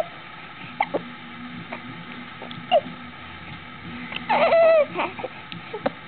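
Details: Baby hiccuping after a feeding session, making funny noises: brief squeaky hiccup catches recur every second or two, with a short whimper partway through.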